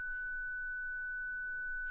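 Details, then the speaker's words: Steady high-pitched electronic tone of a ZOLL Zenix hospital defibrillator/monitor charging after energy selection for synchronized cardioversion. "Choose the desired cardioversion energy using the energy select key. Next, press the charge button."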